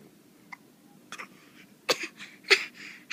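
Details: A few short, sharp catching sounds in quick succession in a quiet room; hiccups.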